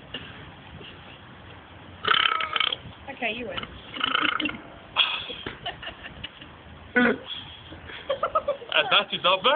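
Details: Two people in a burping contest take turns with loud, drawn-out deliberate belches and laughter between; one struggles to get more out, and the contest ends in a draw.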